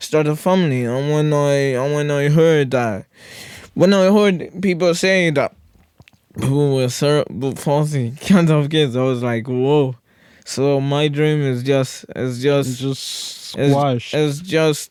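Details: Podcast host with cerebral palsy-related speech impairment; severe stuttering in childhood treated with speech therapy, still stutters a lot; stuttering with word and phrase repetitions.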